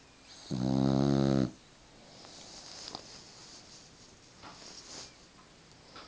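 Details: Little girl asleep, one loud buzzing rattling snore on inhalation, then quiet breathing in a still room: snoring.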